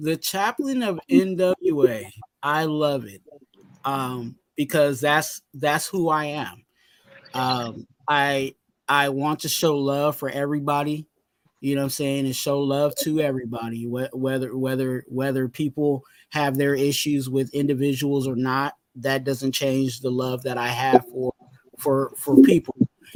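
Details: Adult male whose stuttering was severe in childhood and is now milder but still present; stuttering.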